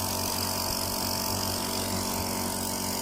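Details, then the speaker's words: Steady loud mechanical buzz and hiss of a Beurer medical compressor nebulizer motor, just switched on with filter fitted, air flowing out during an unboxing sound check. "तो इसका sound performance check करते हैं कि इसका sound कितना आ रहा है। तो पीछे से प्लग हमने ऑन कर दिया है, इसको हम यहाँ से ऑन करते हैं। तो ये देखें, ये चलना स्टार्ट हो गया है और यहाँ पे एयर जो है बाकायदा आना स्टार्ट हो गई है।"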